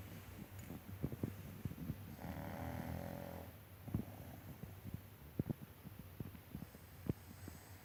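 One long rumbling snore on an in-breath, with scattered small clicks and snuffles around it: snoring during sleep.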